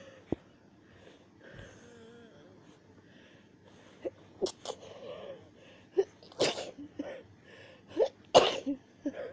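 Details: Repeated sneezing during a rough bout the person says left them nearly choking: a series of sharp, short explosive bursts in quick succession, some doubled.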